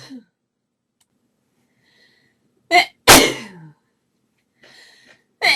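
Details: Woman's desperate sneezing fit, audio only: several sharp, explosive sneezes in quick succession with short breaths between them. Sneezing.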